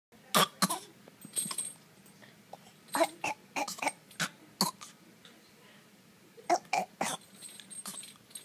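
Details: A 7-month-old baby gives about a dozen short, sharp coughs in small clusters with brief quiet gaps between bouts.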